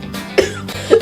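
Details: Two short, sharp coughs from an adult woman, heard over steady background music.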